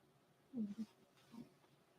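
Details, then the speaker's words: Sleeping dog dreaming: short low, throaty grunting bursts, soft snoring with faint growls, in a quiet room. "You hear that dog down there? he's snoring. I hear him. He's actually dreaming."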